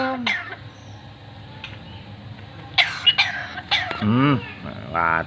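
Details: Pet bird mimicking a human cough: three short, harsh cough-like bursts between warbling, speech-like calls; owner jokes the bird is coughing and wants medicine.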